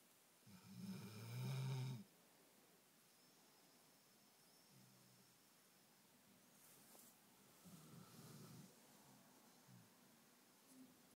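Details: American Staffordshire Terrier sleeping on his back on a bed with a loud, low, rattling snore, then softer snoring breaths in a quiet room; snoring.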